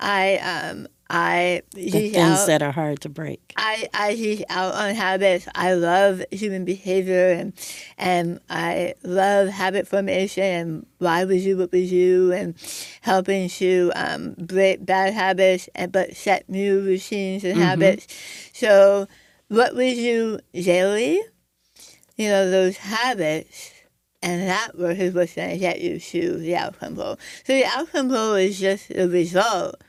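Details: Adult woman with stage 4 squamous cell carcinoma of the right tongue, diagnosed December 2021; over half of tongue removed and reconstructed with arm-skin flap, plus neck dissection, radiation, chemotherapy and speech therapy; altered articulation after partial glossectomy.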